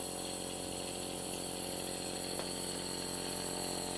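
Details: Nebulizer with mask running during a child's treatment for cold, cough and phlegm after recovering from a 104°F fever: steady mechanical hum with fast pulsing from the motor and compressor.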